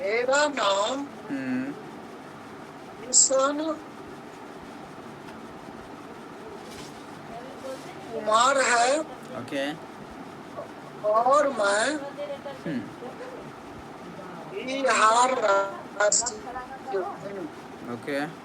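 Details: Stuttering in a man in a stammering practice group, with long pauses and blocks; body freezes and breath stops while speaking.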